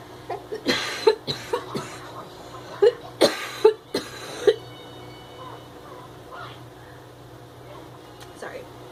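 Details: An adult woman with lab-confirmed whooping cough, in the thick of the illness, has a run of about eight rapid, harsh coughs in two bursts; pertussis coughing fit.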